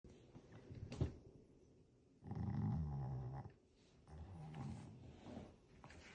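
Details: Shih Tzu, a flat-faced dog, sleeping in a quiet room and snoring with low, rattling breaths; snoring.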